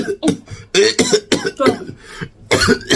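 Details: Adult deliberately forces several harsh cough bursts while eating with his wife as a prank, not from illness; cough.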